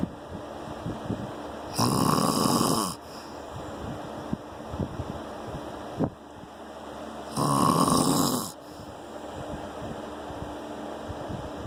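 Two harsh, rattling snores about five and a half seconds apart, with quiet breathing and room noise between them.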